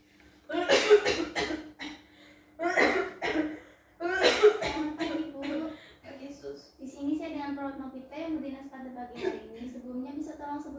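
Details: Demonstration of effective coughing during a student OSCE exam on chest physiotherapy and effective cough: three forceful acted cough bursts, followed by talking.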